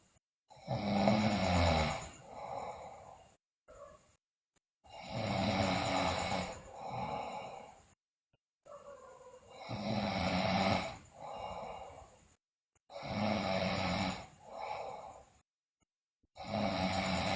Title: Sleeping Girl Loudly Snore, Bruxism, Delirious